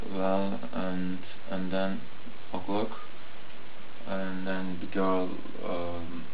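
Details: Adult man speaking; Broca's aphasia (nonfluent speech).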